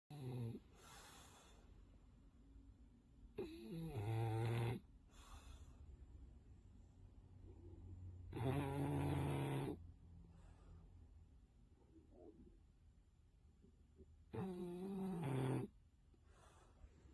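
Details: English bulldog sleeping and snoring: loud, low, fluttering snores with a squeaky edge, one every five to six seconds (about 11 a minute), in a quiet room.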